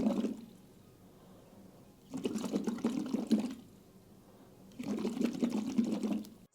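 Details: Two long bursts of bubbling as breath is blown out through water, with quiet pauses between, from a child with primary ciliary dyskinesia (PCD) doing airway clearance with a physiotherapist; chest sounded dry: bottle PEP bubbling.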